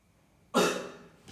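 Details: Effective cough demonstration to clear phlegm: hand on the abdomen, 3–4 deep breaths, hold 2–3 seconds, then a single strong, forceful cough burst that trails off, after quiet.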